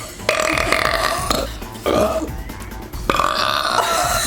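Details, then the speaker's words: A person burping, from a Whopperito taste test: three long, loud belches in a burp compilation over background music; burping. "i feel like i burped probably five minutes straight just like edit all the burps into like one continuous thing of me burping"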